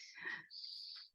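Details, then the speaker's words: Clinician voices a high-pitched, whistling breath imitating a child's wheeze, described as mainly expiratory, sometimes inspiratory, often musical, and common in asthma and RSV. "wheezing is more expiratory although it can be on inspiration too and it's a high-pitched sound usually up up here"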